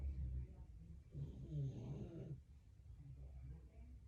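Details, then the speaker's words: Snoring from a napping individual, heard in the background. "oh my lola she's getting her her nap on right now you can hear her snoring"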